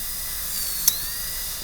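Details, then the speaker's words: High-speed dental handpiece with a 245 bur cutting a class II MO amalgam preparation on a typodont in a teaching demonstration: a steady high-pitched whine that wavers in pitch, with a brief click. The bur wobbles from too much torque. "That gives us a bigger hole than the burr is putting a little bit too much torque on here. It's wobbling, but the axle is probably going to be okay."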